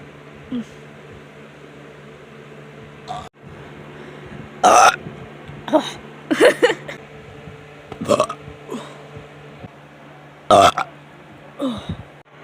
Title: My Burping Video 1. Requested